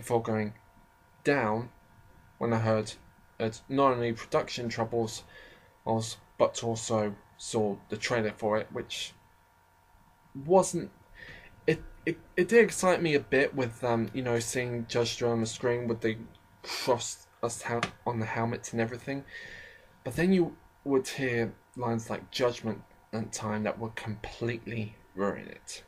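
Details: Person with a self-described slight stammering problem, shown as frequent stammers and pauses; stuttering.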